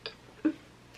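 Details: Teenager with Tourette's syndrome: a single brief clicky vocal noise in a quiet room, a simple vocal tic.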